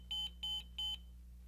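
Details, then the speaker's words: Three short, high, evenly spaced electronic beeps over a low room hum from a ZOLL M Series defibrillator switched on; power-on beeps showing it passed its self-test. "all units will beep four times indicating they have passed the power-on self-test"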